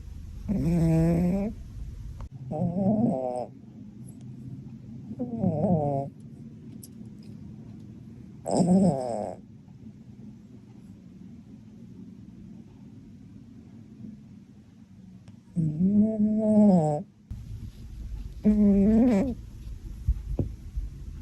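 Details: Loud cat snoring: a series of droning, throaty snores spaced several seconds apart, each with a buzzing, fluttery tone.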